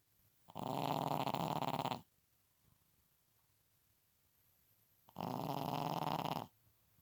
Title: Pekingese snoring